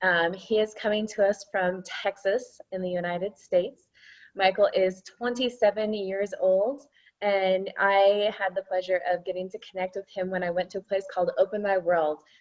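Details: Adult woman speaking; normal speech.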